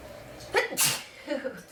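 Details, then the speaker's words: A single forceful sneeze with a sharp airy burst over light room noise, from a person with a stuffy nose and a bad cold who is deliberately trying to make themselves sneeze. "I'm all stuffy. I got a horrible cold. I'm gonna try to make myself sneeze."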